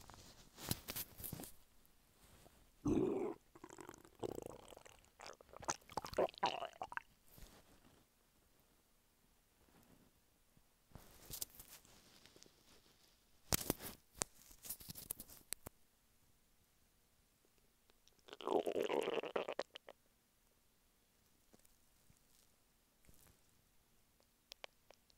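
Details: Adult male lying flat on his bed while hungry: bursts of gurgling, squeaky stomach rumbles with quiet gaps between, hunger borborygmi.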